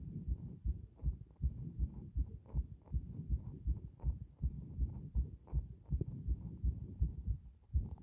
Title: 不整脈が大量発生している心臓の動画